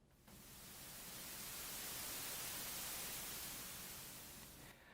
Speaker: That is masking your tinnitus through the use of sound which is generated by the hearing aids. And the most common sound is white noise, like this.